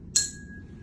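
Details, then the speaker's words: Tuning fork for a Weber test during an ear exam, placed on top of the head; the patient hears it equally in both ears. A bright ping, then a steady fading tone. "I'm gonna bring this tuning fork and I'm going to put it on the top of your head. You let me know if you can hear it equally in both ears."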